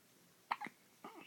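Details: Young dog: faint, abrupt little catches of breath, two close together and then a third, in a quiet room; hiccups.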